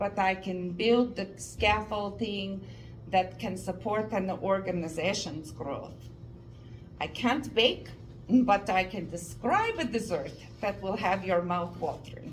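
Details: Adult woman, native Canadian English speaker, about 2.5 years after a stroke causing aphasia and apraxia of speech, who later developed foreign accent syndrome sounding Russian and has auditory comprehension difficulty; foreign accent syndrome with apraxia of speech.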